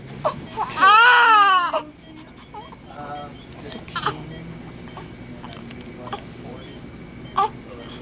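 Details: Newborn baby girl's cry in a hospital delivery, possibly in the operating room: a loud, high, wavering cry lasting about a second, then softer room sounds and adult voices in the background.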